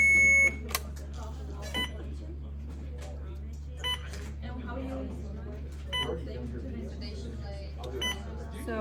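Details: Short electronic beeps roughly every two seconds over a steady low room hum from an Alaris infusion pump during setup of a primary IV of 0.9% normal saline, 100 ml per hour, 250 ml to infuse.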